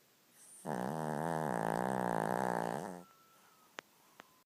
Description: Skipper, our 2y/o cavalier king charles having a snorefest.